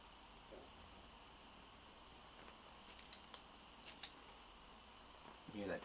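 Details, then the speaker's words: A brief low bubbling stomach gurgle (borborygmi) against quiet room noise with faint clicks, from a relaxed patient breathing deeply during acupuncture for chronic TMJ, neck and shoulder pain. "hear that tummy gurgle too. That's a nice sign that the body's getting into that parasympathetic rest and digest state, and that's where we do all our real healing and repairing."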